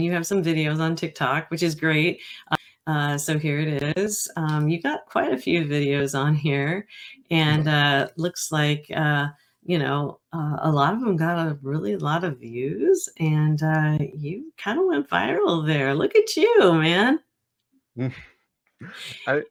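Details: Adult male speaker; Normal conversational speech.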